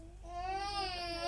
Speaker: a baby who cries a lot is i think one of the toughest things for new parents to cope with